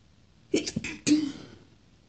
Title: sneezing (f) 3 - just for fun :)